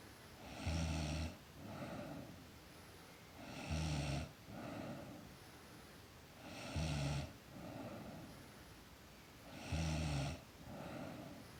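Regular rattling snores on each in-breath with softer out-breaths, about 20 breaths a minute; snoring during sleep.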